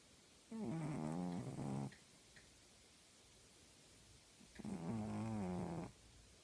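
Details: Two long, loud, rattling snores with a quiet pause between from a sleeping female tabby cat; cat snoring heavily.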